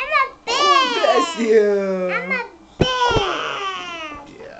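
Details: Baby girl who had been fake sneezing to win attention from her older sister gives two loud, high, wailing cries, each with a falling pitch: infant crying.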